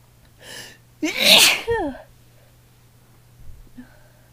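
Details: Adult female, throat raw the next day: a brief breathy build-up, then one loud explosive sneeze with a voiced tail, followed by quiet breathing; sneezing.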